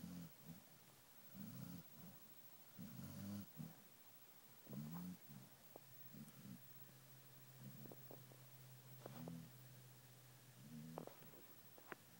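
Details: Sleeping female dog snoring: low, soft, irregular snorting snores in short bursts against a faint steady hum.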